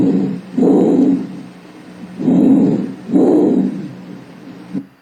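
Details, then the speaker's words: Normal bronchial (tubular) breath sound demonstrated during a respiratory-rate and lung auscultation lesson on normal breath sounds. "O próximo, a gente tem o som brônquico ou tubular, que ele é audível"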